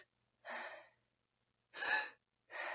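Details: Gasping vocal tic in a person with tics: three sharp, noisy inward gasps in quick succession, demonstrating a tic first felt perhaps around age ten as being unable to get enough air.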